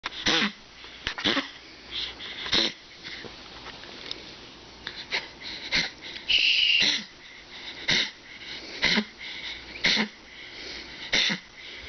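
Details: Dog with collapsing trachea, coughing too much: repeated harsh, honking cough bursts with wheezy, goose-like noises in between; collapsing trachea cough.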